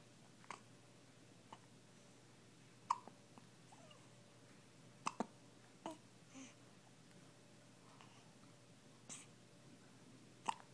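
Brief sharp clicking catches, about six in ten seconds at uneven gaps, in a quiet room: hiccups.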